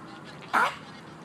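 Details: A dog at a dog-park swimming lake, playing with a frisbee, gives a single loud, goose-like honk that the owner describes as choking: a honking cough against quiet outdoor background.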